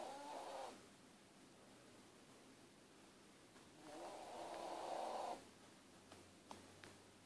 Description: My dog snores and roars like a s old steam train.